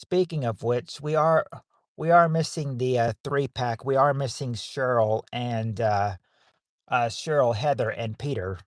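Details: Stuttering in a man hosting a livestream; he says he stutters so much that he probably repeats himself.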